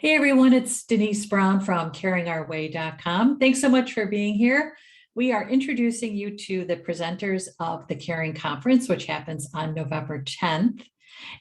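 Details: Adult woman; typical speech.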